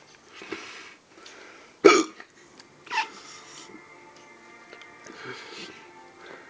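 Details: Simulated hiccups from a cartoon character: two sharp, abrupt gulping sounds over soft background music.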